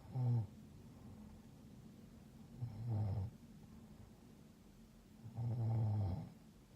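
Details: Congested, sick adult female roommate snoring in deep sleep with a humidifier on: deep rattling snores on each breath, three in under seven seconds, over a steady low hum in a quiet room.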